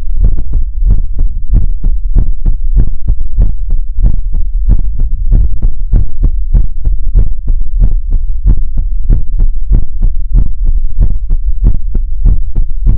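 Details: ASMR relaxation livestream heartbeat sound: steady, deep, loud thumping beats in regular pairs at roughly 75 a minute, an ordinary heartbeat rhythm.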